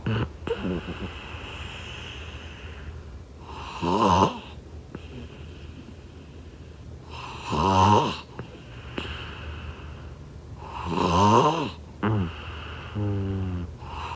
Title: #snoring #snoringsounds #snoringsleepingsoundeffect